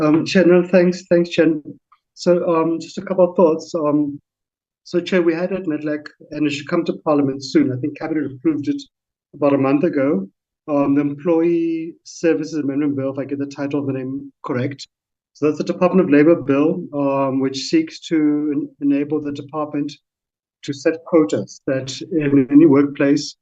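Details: Adult male speaker; Normal speech.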